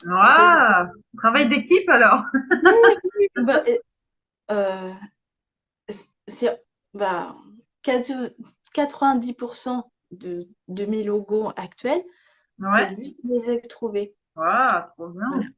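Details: Young woman with aphasia after a stroke at age 22, with slowed word retrieval and grammar that had to be relearned; aphasia.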